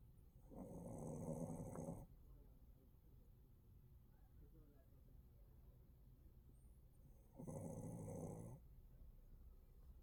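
Two long, low rumbling snores about six seconds apart, with quiet breathing between them; snoring in a sleeping dog.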